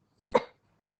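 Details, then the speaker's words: Adult woman with a cold and hoarse voice: a single short, sharp cough fading quickly into a quiet room. "संगत जी, मेरी आवाज़ ठीक नहीं है क्योंकि मुझे खांसी सर्दी भी संगत जी।"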